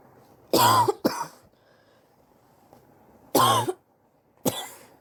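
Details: Sore adult coughing over several weeks, X-ray pending to check for pneumonia: two pairs of harsh, forceful coughs, each burst followed by a shorter second cough; chest cough suspected to be bronchitis.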